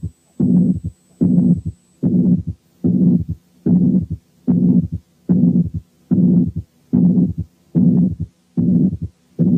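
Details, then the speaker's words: Teaching recording of mitral regurgitation (incompetence), heart rate near 73 a minute: muffled first sound, long blowing pansystolic murmur, second sound, then a third heart sound. "سمعتوا ايه؟ muffled first sound ثم pansystolic murmur ثم second sound ثم a third hard sound."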